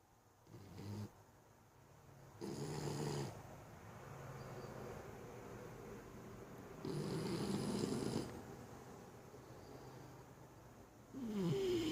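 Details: Loud, rasping snores, described as like a chainsaw, recur every few seconds, about 14 a minute, over low steady room noise; snoring.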